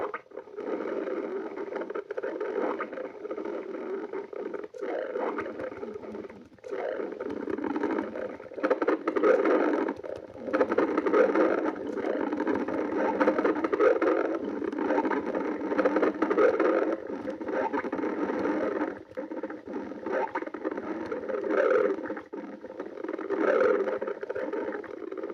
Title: Sunday stomach growling